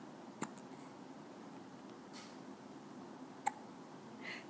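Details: Hiccups: two faint, abrupt little clicks about three seconds apart over room hiss, tolerated without distress.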